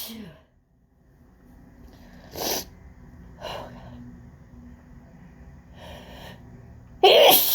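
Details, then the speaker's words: Adult's run of repeated sneezes in quick succession with short breaths between, the last one loud, in an office on a windy day with heavy pollen; a sneezing fit attributed to pollen. "Just like, oh my God, that was such an intense fit."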